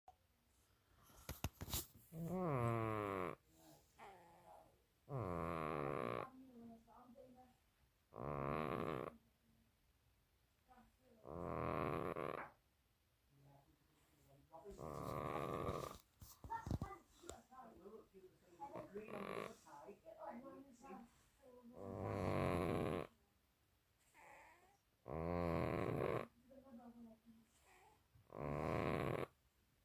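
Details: Loud, rough, rhythmic snores from a sleeping cat, about 19 to 20 breaths a minute: snoring.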